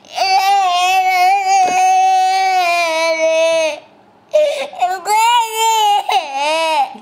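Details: Loud, sustained wailing cries from a baby, broken by one short pause for breath; ordinary infant crying.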